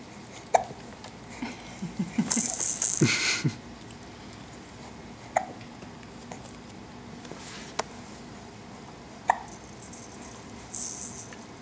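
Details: Infant girl laughing, giggling and babbling with several brief, sharp hiccups at irregular intervals; ordinary harmless infant hiccups.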